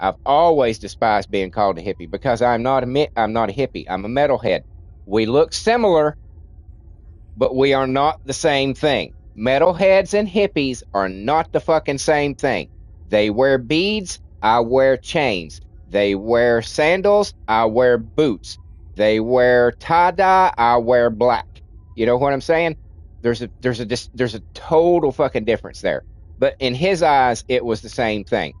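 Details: Stuttering in an adult man with a childhood-onset speech impediment, treated with speech classes in kindergarten and first grade; he says it is milder than in childhood but audible when he talks a lot.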